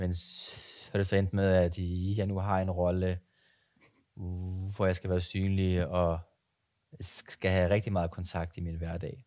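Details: Stuttering in an adult speaking Danish.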